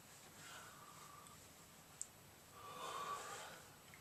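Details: Person with self-described Tourette syndrome, tics for 20+ years and usually suppressed, shown unsuppressed: two quiet, abrupt snort-like nasal noises with a small click between; simple vocal tics.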